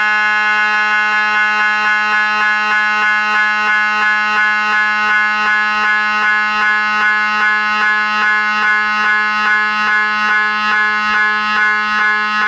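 Loud, steady electronic buzzing with rapid rhythmic pulsing at about 150 a minute, the typical knocking drone of an MRI scanner running a sequence.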